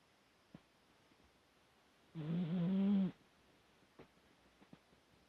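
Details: Dog snoring: a single buzzing, rattling snore lasting about one second, with quiet breathing around it.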